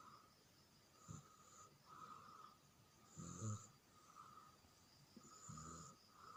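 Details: Soft, irregular snoring breaths, about 26 a minute, from a sleeping baby over a steady background hum: infant snoring.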